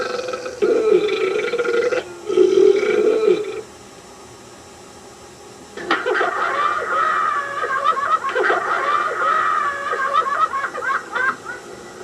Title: SILLY BURPING VIDEO SKIT 1986